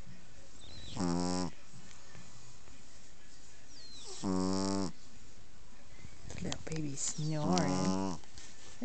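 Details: Snoring during sleep, with the eyes reportedly open: three loud, low, buzzy snores on the in-breath, about 19 a minute, in a quiet room.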